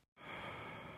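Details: Normal deep breathing: one deep breath in and out through an open mouth during chest auscultation. It is heard as a steady soft rushing sound without added noises.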